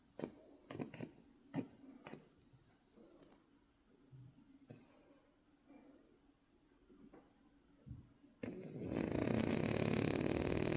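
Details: Sleeping French bulldog puppy: snorting, fluttering snore sounds in uneven bursts, ending in loud rustling noise; noisy breathing typical of short-nosed dogs, snoring.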